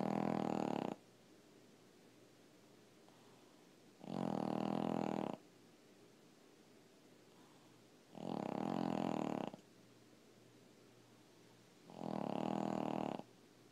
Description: If you think you snore....I bet it's not like this!!!!